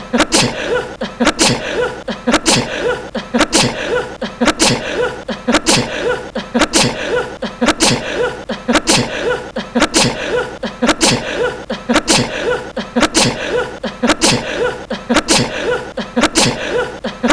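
Sharp, regularly repeating sneezes, about 56 a minute, from a looped sneeze compilation.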